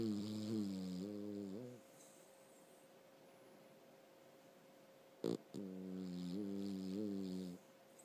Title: Jax snoring